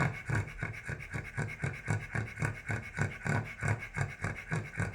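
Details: Cavalier King Charles Spaniel panting: rapid, regular breathy panting, about 210 breaths a minute, with a faint rasp on each breath.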